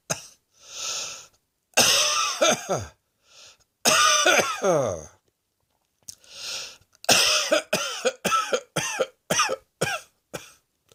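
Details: Repeated harsh coughs, some in a rapid burst of about seven, with short breaths between; a plain cough.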